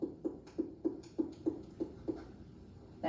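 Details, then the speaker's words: Abdominal percussion up the right midclavicular line: nine finger taps, starting well into tympany, where the hollow drum-like note gives way to a duller thud over the liver. Care is needed not to mistake the costal border for the first dull note. "i usually start well into timpani and go up be careful when you get to the costal border that you don't confuse that as your first dull sound i'm going from tiffany to doll"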